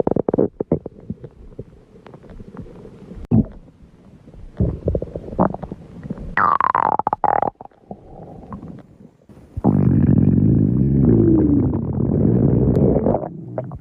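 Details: Stomach growling: loud gurgling and rumbling with bubbly pops, a rising squeal and a long drawn-out growl.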